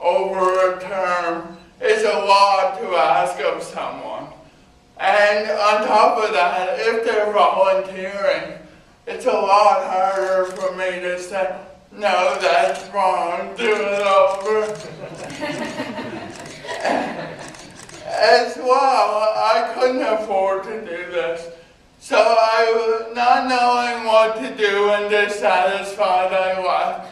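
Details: Adult man with cerebral palsy giving a talk about his own life; dysarthric speech in cerebral palsy.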